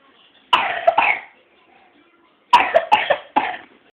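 A child gives two short bouts of abrupt, dry-sounding coughs, about six in all, in a quiet room.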